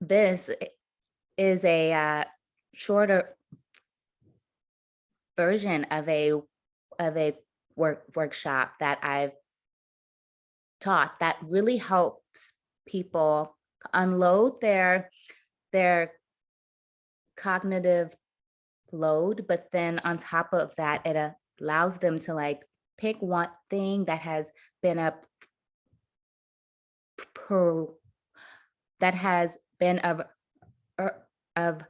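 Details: Adult woman who stutters; her stutter worsened under caregiving stress to the point of being nearly unintelligible; stuttering.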